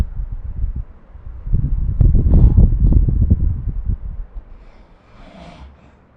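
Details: Snoring recorded with the SnoreLab app during sleep: one low, rough, fluttering breath noise swelling and fading over a few seconds.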